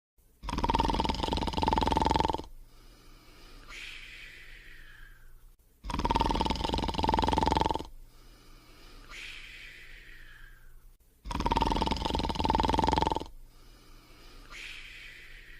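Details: Sleeping and snoring.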